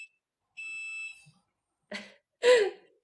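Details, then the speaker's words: Glucose monitor alarm for a child with type 1 diabetes whose glucose is high: brief steady electronic tone then short clipped sounds in a quiet room. "Everyone get ready for the alarms non-stop. Yeah. Parker's high at the moment."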